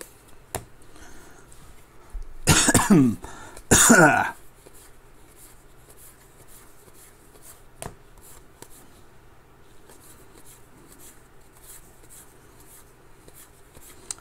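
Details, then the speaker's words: Adult coughing repeatedly: two loud, harsh coughs in a row in a quiet room. He says his breathing sounds off. "i sound the way that i'm breathing and the way that i just keep coughing it sounds like i've been taking hits but uh sadly i have not"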